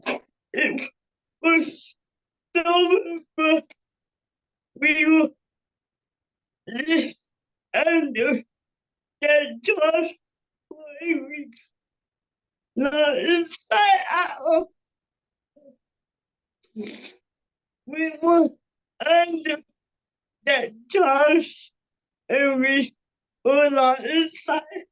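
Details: Adult woman with cerebral palsy speaking on a panel, with her speech revoiced by another speaker; dysarthria due to cerebral palsy.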